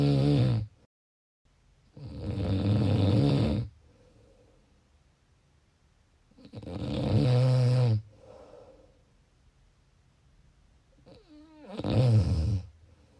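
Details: Loud, deep, vibrating snores recurring about every five seconds, roughly 13 breaths a minute, with quiet pauses between; heavy snoring.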